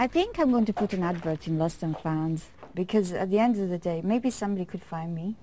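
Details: Adult woman who developed foreign accent syndrome in January after a serious migraine attack; it sounds like a French accent, and others say Eastern European or Russian; foreign accent syndrome.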